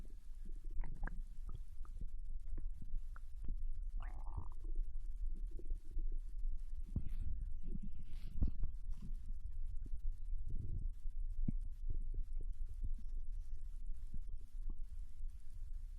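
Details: Digestion sounds after eating ramen, recorded from a Japanese girl lying on her side in bed: low gurgles, rumbles and soft bubbling from the belly throughout; normal bowel sounds (borborygmi).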